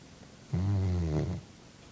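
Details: Sleeping Chocolate Labrador dog snoring: a single deep, low-pitched, buzzing, droning snore lasting under a second; snoring.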